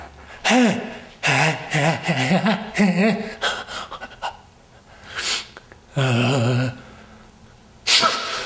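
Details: Three and a half loud, explosive sneezes, each preceded by a sharp indrawn gasp, from someone practising a new sneeze technique; sneezing.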